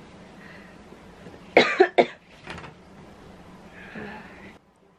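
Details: Adult recovering from Omicron COVID-19 (sore throat, lost taste), cough persisting long after isolation ended: two to three short, dry coughs over low background noise, then a breathy exhale; dry cough.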